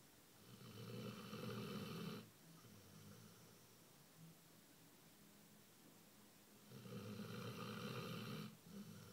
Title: Basset hound snoring